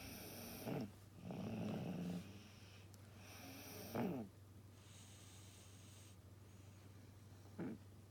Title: Snore kids 子供いびき